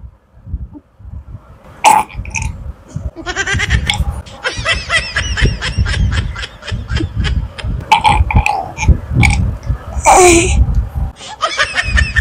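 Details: A young child burps on request several times among adults' chatter and laughter, with music at times in the background.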